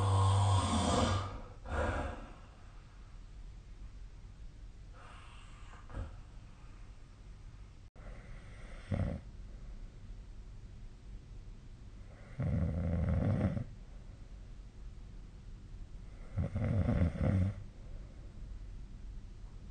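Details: Snoring during sleep recorded with the SnoreLab snore-tracking app on 2025/04/15; low, rumbling snores in bursts every few seconds with quieter breathing between them.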